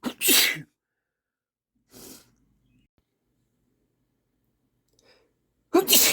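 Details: Man: two strong, forceful sniffly sneezes bracketing a softer sniffly sound in a quiet room; sneezing.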